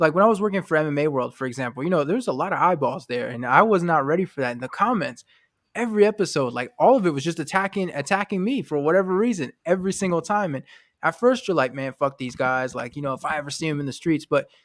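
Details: Adult man speaking; Normal fluent speech.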